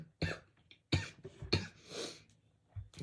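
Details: Adult speaker with a really bad sore throat, clearing throat and coughing while talking. Cough.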